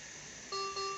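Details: Maquet Servo-s ventilator under service: steady room hum, then two clear electronic alarm tones signalling a technical error, with air and oxygen supply pressures both reading 0 bar.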